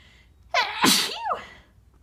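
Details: Ordinary sneeze induced with a tissue: a quick indrawn breath, then a single sharp sneeze.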